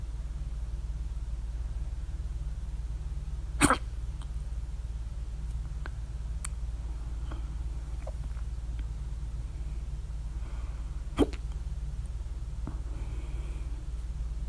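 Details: Two sharp, loud throat clicks about eight seconds apart over low room hum (very loud ones with mouth open); hiccups at 3:04 A.M. after overeating at dinner, mouth alternately closed and open.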